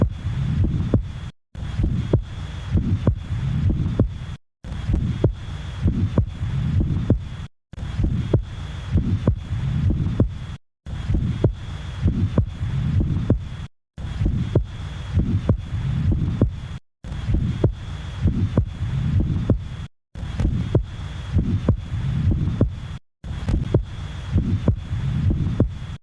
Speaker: em válvula Protética algum grau de obstrução do fluxo de saída com um sopro sistólico de ejeção resultante